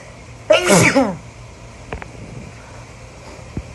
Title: beautiful,stifle sneezes.